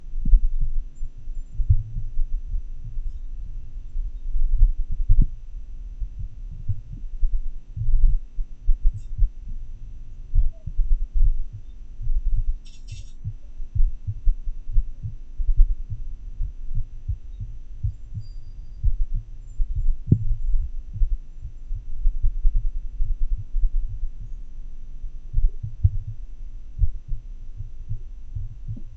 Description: Demonstrating a DIY telemedicine approach to capturing irregularly irregular heart sounds during an episode of atrial fibrillation using a simple desktop microphone and funnel transducer.